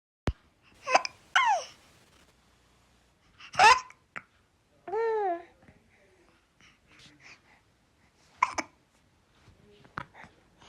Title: Filter effects | baby hiccups #babygirl #cutebaby #youtubeshorts #dailyshorts